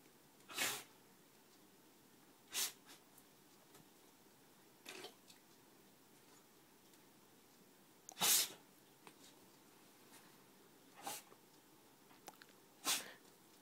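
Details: Beagle sneezing repeatedly: seven short, sharp sneezes a couple of seconds apart in a quiet room.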